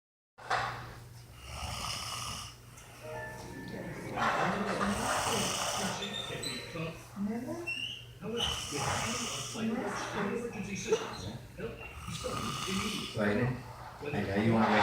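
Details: Sleeping adult man, a child's father, snoring: rough, rattling snores over background talk and music.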